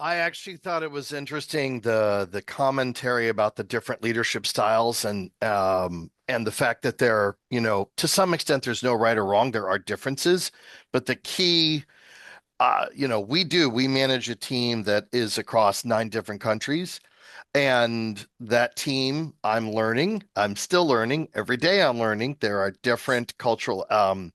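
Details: Adult male speaker, online meeting; normal speech.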